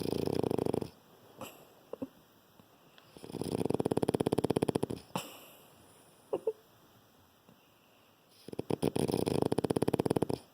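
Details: A tired, worn-out pup snores big while asleep: three long rattling snores, each a fast fluttering buzz of about two seconds, with quiet pauses and small sniffs between them.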